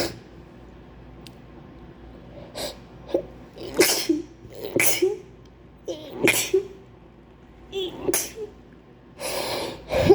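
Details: Acted sneezing attack presented as flu: about six wet sneezes, several preceded by audible in-breath build-ups, while trying to hold them in; repeated sneezing.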